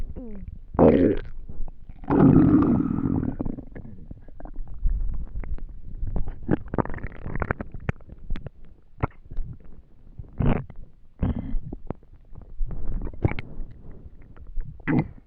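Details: Stomach rumbling from hunger: long gurgling rumbles and squeaky bubbling gut noises, normal borborygmi.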